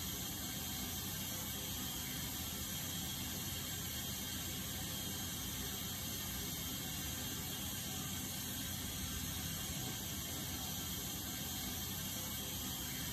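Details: Steady hiss of suction with a faint high whine and occasional mechanical clicks from dental instruments during wisdom tooth extraction.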